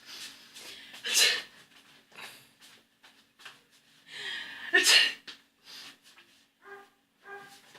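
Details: Person running through while sneezing, medicine in hand: two loud sneezes among scattered breathy bursts, with faint voices and tones in the background; sneezing.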